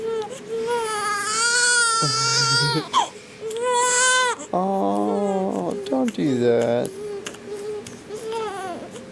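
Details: Baby crying after a sneeze that seemed to scare the baby: loud, high-pitched wails repeated with brief gasping pauses, an ordinary distressed cry.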